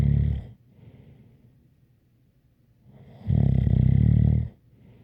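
Loud, harsh rattling snore on the breath in, with a faint whistle on quieter breaths.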